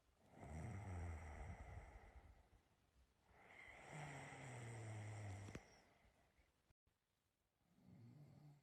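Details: Own snoring recorded during sleep to share with a partner: two long, rough, rattling snores, each a few seconds long, with quieter breathing between them.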